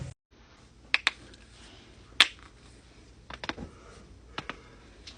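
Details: Joint cracking (cavitation), from a compilation of neck and back cracking: several sharp, irregular cracking pops in a quiet room.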